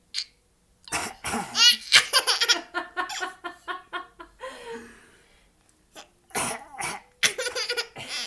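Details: Several sharp, harsh adult coughs, with a young child's rhythmic laughter between and around them; cough.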